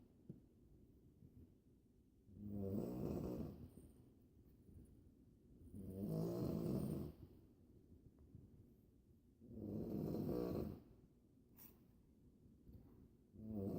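Steady rhythmic snoring, about 17 breaths a minute, each breath a harsh rattling snore lasting about a second and a half.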